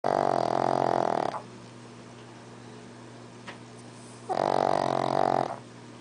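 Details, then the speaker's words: Pug dog snoring while asleep: two loud, rough, buzzing snores about four seconds apart, roughly 14 a minute, over a low steady hum. "Stanley. He's still snoring."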